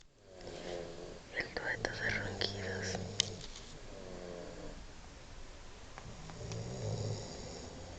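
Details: Two sleepers, a brother and a man, snoring together: low rattling snores overlap and alternate, with some breathy noise between them; a snoring duet.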